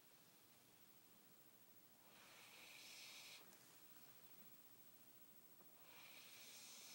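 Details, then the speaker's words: Xolo (Xoloitzcuintli) pup asleep: two long, airy, hissing breaths at low volume, noisy sleep breathing rather than a deep rumbling snore; snoring. "He's a deep breather. Deep sleeper."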